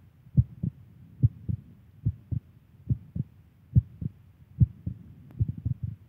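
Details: Steady paired lub-dub heart sounds at about 70 beats a minute, clean and regular, from a woman; normal heartbeat.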